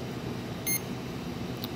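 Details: CADD infusion pump during setup training: a single short high beep over quiet room noise as a keypress is entered while adjusting settings (reservoir volume set to 100); infusion pump keypad beep.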